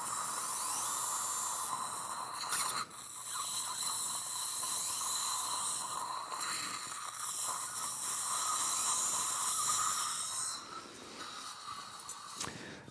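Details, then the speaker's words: Dental implant drill, steady high-pitched whine with brief pauses and hissing water spray, preparing upper-jaw bone toward 4.0 then final 4.5 mm drill during live upper full-mouth implant surgery with GBR. "so at this time you check the pump operation earlier okay good next drill 4.0 the final drill 4.5"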